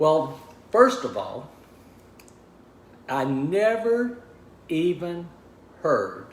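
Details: Man with aphasia after a stroke, diagnosed 26 months earlier at about age 61; initially unable to talk, write or communicate; now relearning speech, reports mixing up words and slowing down to avoid slurring; aphasia.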